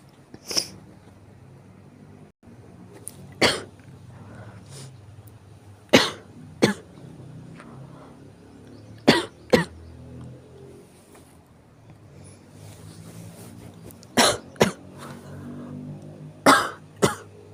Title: 咳で目覚める morning cough